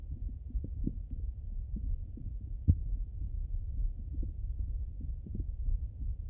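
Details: Stomach sounds, hungry and full, through a stethoscope: frequent low gurgles and soft pops; ordinary active bowel sounds.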